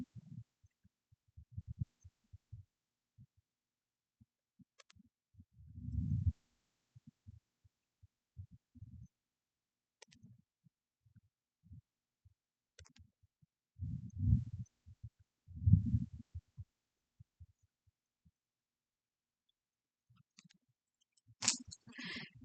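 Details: Soft, low heartbeat thumps through a stethoscope with bursts of chest-piece rubbing during a physical assessment of a calm, cooperative adult female patient in no distress; normal heart sounds, no extra sounds or murmurs evident.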